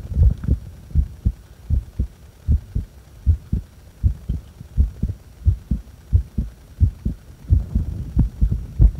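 Steady, low two-part heartbeats at roughly 88 a minute, recorded while the breath is held.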